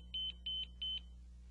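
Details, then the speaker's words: ZOLL M Series defibrillator switched on: four short, evenly spaced high-pitched beeps over a low hum, indicating the unit passed its power-on self-test. "all units will beep four times indicating they have passed the power on self"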